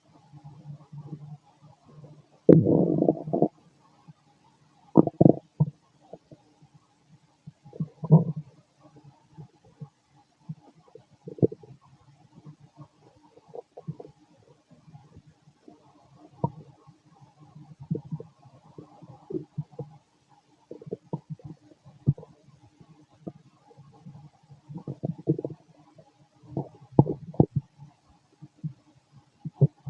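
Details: Fit adult male abdomen after a bowel movement: irregular low gurgles and rumbles of gas and fluid moving; normal bowel sounds (borborygmi).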